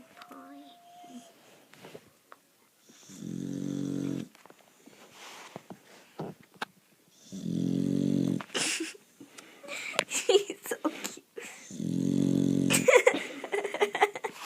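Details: Three long, loud, rough snores about four seconds apart from a sleeping, tired female dog, with room talk and music between them; heavy snoring.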